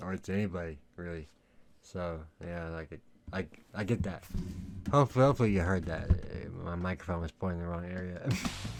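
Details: Male with lifelong stutter, worse in middle school, treated by a speech therapist in elementary school, severity varying day to day; stuttering.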